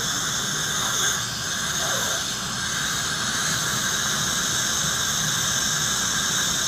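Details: Demonstration of an Acteon piezo-ultrasonic scaler on the buccal region of the lower anterior teeth, with the HVE tip used for retraction; continuous high-pitched hiss and whine with suction: ultrasonic scaler with suction.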